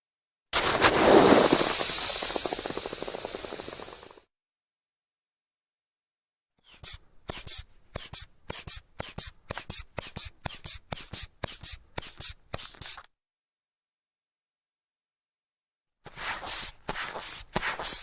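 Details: Blood pressure measured with a manual sphygmomanometer: rapid squeezes of a hand bulb inflating the cuff, a longer hiss of air release, then further valve hissing; sound effect recording.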